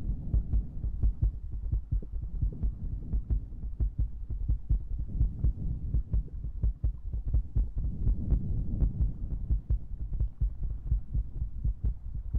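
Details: Baby rabbit-themed ASMR recording: a steady run of low, soft thumping beats with a faint hum behind them, heard alongside breathing and mouth sounds; an ordinary heartbeat.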